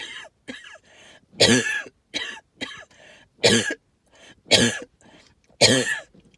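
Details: Allergic reaction to tree pollen and mold spores; repeated harsh hacking coughs between strained, whistling breaths; wheezing with cough.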